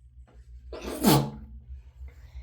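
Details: One forceful, explosive sneeze with a brief voiced tail over low room rumble, triggered by chhinkni snuff in an adult with a head cold, dog allergy and hormone treatment; sneeze.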